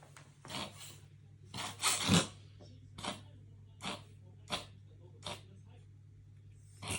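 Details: Cat with a run of short, harsh, rasping bursts in quick succession; the owner is unsure whether it is coughing or reverse sneezing, and soothes the cat afterward.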